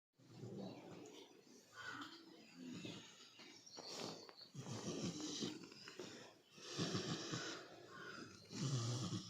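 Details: Sleeping pig snoring: repeated rough, rumbling breath noises, roughly 30 a minute.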